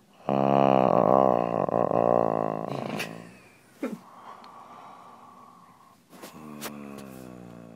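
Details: Adult man snoring, recorded on a phone: a loud, deep, rattling snore-like roar, then a quieter stretch with brief snorts and a second, softer rumbling breath; heavy snoring.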